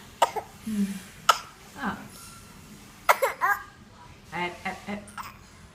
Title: Baby fake smile and coughing (10months old)